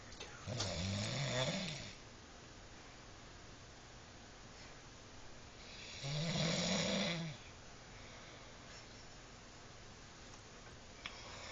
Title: sleeping and snoring